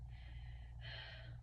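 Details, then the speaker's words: Stethoscope auscultation of an adult woman's anterior chest, left upper, left lower, right lower lobes, during deep mouth breaths in and out: soft airy sounds, no added noises; normal breath sounds, patient denies shortness of breath. "When I move my stethoscope, I just want you to go ahead and take a deep breath in and out through your mouth for me."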